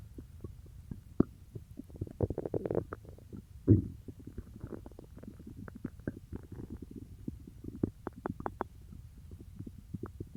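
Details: Stomach growling after eating peanut butter: frequent gurgles, squeaks and bubbling with a louder rumble; bowel sounds (borborygmi).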